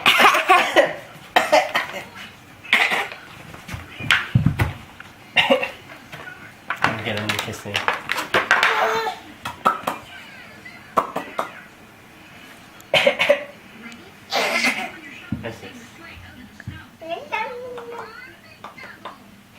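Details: Young child makes several short, forced, voluntary fake coughs between bits of chatter in a small room.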